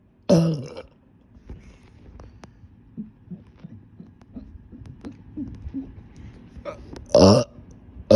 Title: Short Burping Video (I’m back…maybe)